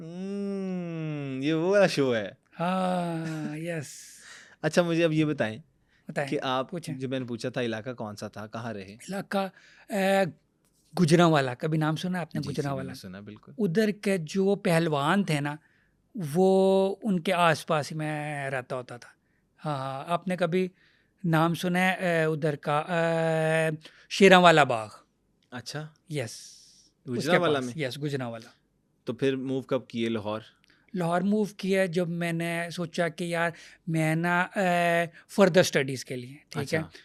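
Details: Stuttering in an adult male comedian who has stammered since childhood.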